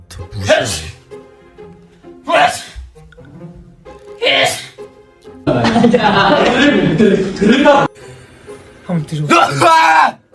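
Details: Three sharp, explosive sneezes in quick succession from K-pop idols in a sneezing compilation, with background music and voices; sneezing.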